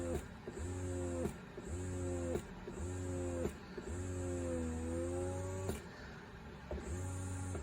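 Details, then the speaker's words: Baby Buddha breast pump running at level 5, its maximum: a small motor hums in repeating cycles, each ending in a click, working hard to reach full suction, already maxed out. "So you can see on level 5, this is really having to work to get to full suction. This is already maxed out."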